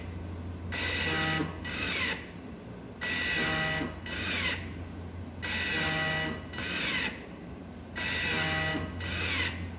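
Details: DIY non-invasive ventilator (MOPO) built for COVID-19 shortages, running without a mask attached: regular rising and falling airflow rushes, about 25 a minute, with a whistling extension tube and steady motor hum; ventilator running.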